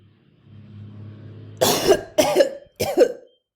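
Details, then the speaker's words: Slow inhalation then three short coughs: controlled cough technique demonstrated by a nursing student during post-operative patient teaching, seated with feet on floor, arms over belly, leaning forward. "and that's how we do the control caffeine"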